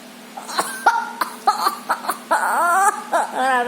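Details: Young child playfully imitating a cough when asked by a parent: a series of short, light, deliberate coughs with voiced playful sounds in between; a voluntary, imitated cough, not illness.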